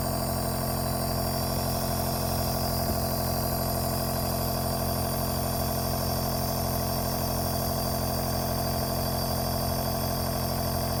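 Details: Mother treating a sneezing baby with a compressor nebulizer: a steady mechanical hum with a fast, even buzzing pulse from the running device.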